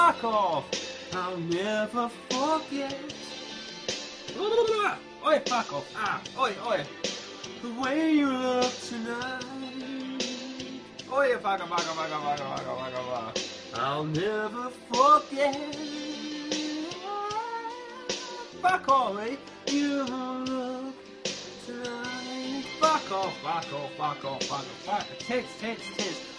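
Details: Person with Tourette syndrome singing karaoke, involuntary vocal tics including swearing and exclamations interrupting the lyrics; vocal tics (Tourette syndrome).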